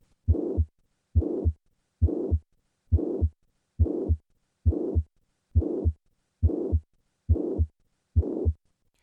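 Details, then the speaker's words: Simulated adult mitral regurgitation murmur, moving from standing to squatting: heartbeat about 69 a minute with a blowing murmur filling the space between the two heart sounds; the murmur increases with squatting. "listen to the change in a mitral regurgitation murmur with squatting I will begin with the standing position squatting foreign"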